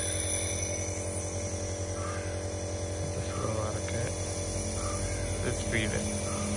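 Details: Dr Trust 401 compressor nebulizer with mask, demonstrated with plain water at unboxing: steady low motor hum and buzz with faint handling noises; compressor nebulizer running.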